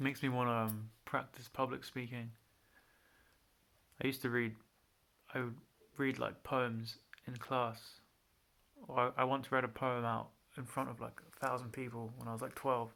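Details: Adult man with a mild, untreated stutter present since childhood and linked to anxiety, worse when nervous or with higher-status people, usually pauses before anticipated syllables and swaps words, otherwise syllable repetitions: stuttering.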